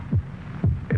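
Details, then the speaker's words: Human heartbeat from a vintage Bufferin headache-remedy TV commercial: low, regular lub-dub rhythm, stated as 72 beats in a minute, from an old broadcast recording; normal heartbeat. "when it comes to cracker jack some kids never grow up this is the sound of a human heart"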